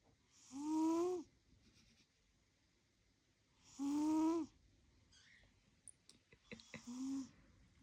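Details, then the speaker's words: Male pet cat snoring while asleep, possibly dreaming: three tonal, whistling snores a few seconds apart with small clicks and snuffles before the last one. "My cat is sleeping. Listen. Look guys, how sweet. How sweet my baby is sleeping. He's snoring."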